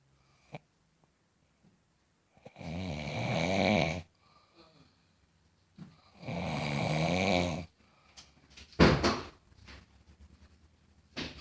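Two long, loud, rattling breaths roughly four seconds apart, with snorts and small noises between: heavy snoring.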